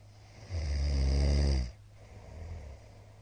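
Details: Middle-aged man snoring during sleep, recorded 13 March 2022, described as very loud: a single loud, deep, buzzing snore on breathing in, followed by a quiet breath out.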